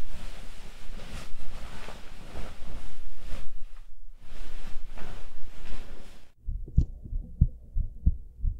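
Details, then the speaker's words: Heartbeat in an ASMR recording: loud rustling and handling noise, then a few soft, regular low heartbeat thumps near the end. "さっき言った一定のリズムが落ち着くっていうのは心音とかも、いいらしいからねーだからどうかなー？"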